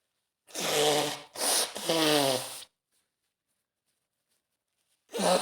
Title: Cold Sneezing (F) | flashbacks of my crazy autumn cold | sneezes | cough | nose blowing